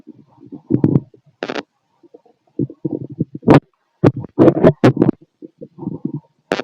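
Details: Stomach growling heard on abdominal auscultation with a stethoscope: bowel sounds.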